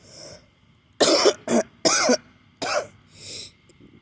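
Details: Four harsh, wet coughs in quick succession with soft breathing between, from an adult who reports heavy congestion and feeling sick; a congested chest cough.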